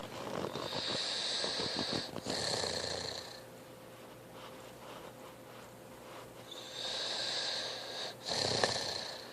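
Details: Two hissing, rattly snoring breaths several seconds apart over steady room noise from a sleeping younger brother: snoring.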